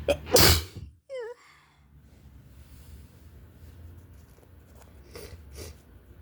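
A forceful, spraying sneeze with a short voiced groan after it, then quiet sniffles, in a person with a cold or flu.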